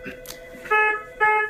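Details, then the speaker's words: Simulated scenario, ventilated patient coughing excessively, not well sedated, already suctioned without yield, out of synchrony with the ventilator: two loud, steady electronic alarm tones over quiet room sound; ventilator high pressure alarm. "without the proper sedation you're going to have for patient ventilator synchrony and you're going to hear a lot of alarms"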